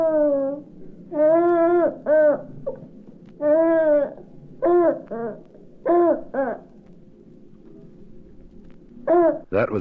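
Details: Infant cooing and babbling, from a 1967 recording of baby sounds for expectant and new parents.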